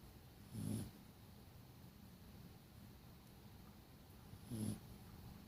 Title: Snoring sleeping dog